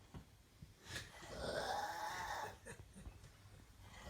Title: Demonic Snoring